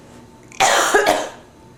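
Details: A single harsh, forceful cough with a rough second burst, from an adult with bronchitis, stuffy nose, sore throat, fever and chills.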